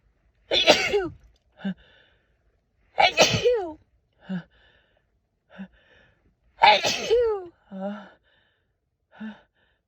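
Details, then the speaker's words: Female who could not stop sneezing all day: three forceful sneezes, each followed by short voiced gasps and recovery sounds, then "excuse me"; repeated sneezing. "Oh, God, I thought I had to sneeze again."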